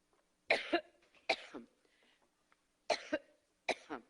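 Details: Adult woman having a coughing fit while speaking at a campaign event and asking for water: four dry, forceful double coughs with short pauses between; a coughing fit.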